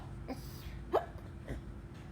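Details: Three faint, quick hiccup-like catches about half a second apart over low background noise; hiccups.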